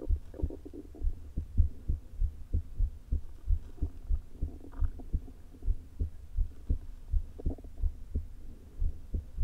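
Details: Muffled, irregularly spaced heartbeats through a low-placed stethoscope, with stomach gurgles, in a woman with atrial fibrillation and a leaking heart valve, recorded days before her open heart surgery; atrial fibrillation with valve regurgitation.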